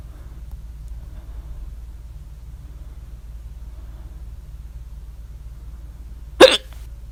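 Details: Loud hiccup at 3:04 a.m. after overeating at dinner the previous evening, mouth open: one sudden, very loud sharp gulping burst after several seconds of quiet low hum.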